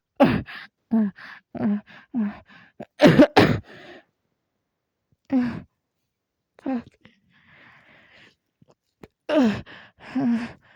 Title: coughing :(